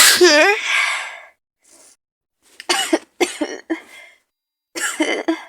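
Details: Adult with an awful cold, maybe flu, and fever, in a role-play scenario: a loud, sharp sneeze, a brief breath, then several short, hissing cough-like bursts.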